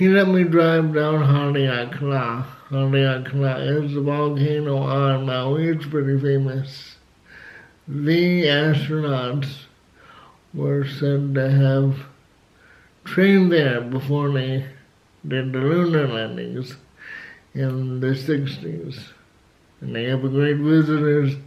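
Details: Adult man with cerebral palsy who had to learn to talk, says flu almost killed him; dysarthria due to cerebral palsy.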